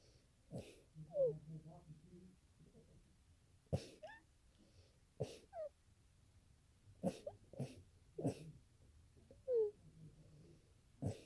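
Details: Sneezing fit, the longest the person has had: about seven sharp, explosive sneezes over ten seconds with short pauses between.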